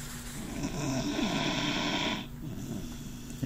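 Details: Dog with a very loud snore that is said to snore even when awake: a long, low, rough, rattling snore of about two seconds, then softer breathing.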